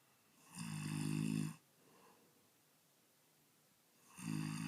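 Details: Man snoring loudly: two loud, harsh, rattling inhaled snores with a quiet pause between them, in a quiet room.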